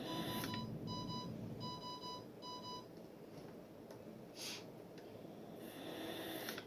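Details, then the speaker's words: Astral home ventilator demonstration after starting ventilation with mask: four short bursts of high-pitched alarm beeping, then quiet as the alarm is silenced though uncorrected and still flashing. "And to hush up the alarm, you just hit it, and that'll hush it up, but it hasn't corrected itself, so it's going to continue to flash."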